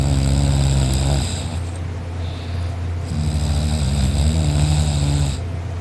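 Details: A person accidentally asleep on a couch, snoring loudly "like a chainsaw" and drooling, with a sore throat afterwards: a loud, rough, rattling snore on breathing in and a quieter breath out between.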